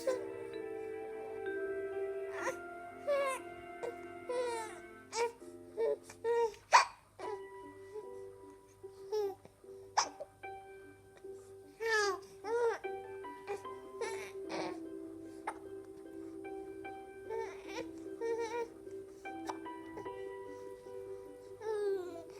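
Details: 43-day-old baby boy, happy and smiling, hiccuping: repeated short, sharp, jerky bursts and soft babbling over background music.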